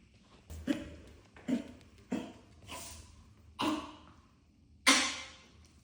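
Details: Dog coughing: about five short, harsh, forceful coughs in a row with brief pauses between them.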